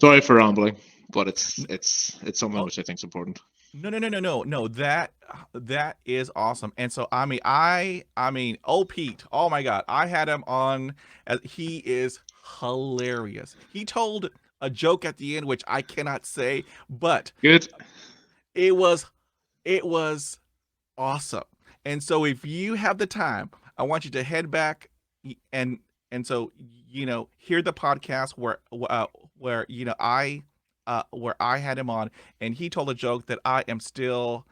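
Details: Adult male who stutters; stuttering.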